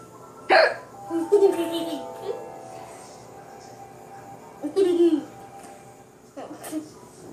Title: Mommy's hiccups are still funny